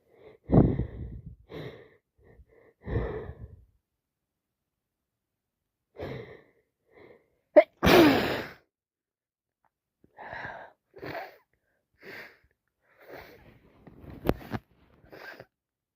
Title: Worst cold ever so much sneezing and blowing my nose #sneezes #cold #snotty